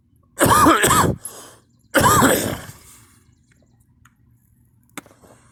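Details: Person coughing and vomiting repeatedly, having thrown up three times so far: two loud, voiced, harsh coughs with a strained, retching quality, then quiet.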